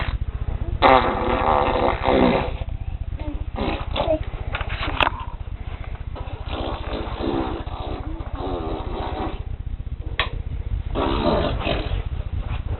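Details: Snoring heard at 12:25 at night; subject's species and age not stated.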